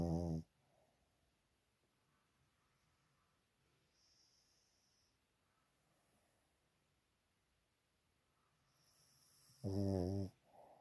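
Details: Sleeping pet dog, whose owner may have a vet check that he is breathing properly: two loud, deep, buzzing snores about ten seconds apart, with quiet breathing in between.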